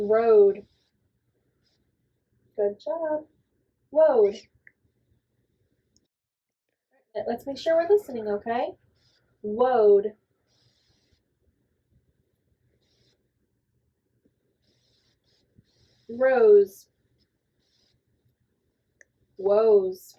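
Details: Clinician deliberately producing /w/ substitutions for prevocalic /r/ (e.g. "wo" for "road") alongside accurate /r/ in role-played speech sound perception training; gliding of /r/ to /w/, imitated.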